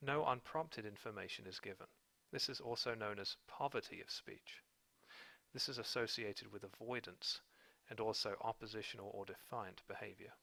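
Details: Adult man speaking; Narrator speech.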